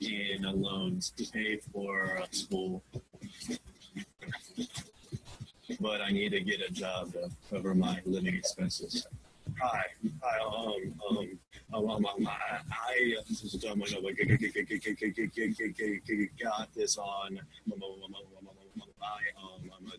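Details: Adult male graduate student who describes his stutter as really severe, introducing himself to a class with blocks and fillers; stuttering.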